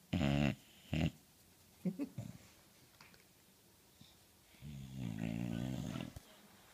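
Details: Deep, rumbling snorts followed by a long, low snoring breath from a sleeping dog; snoring.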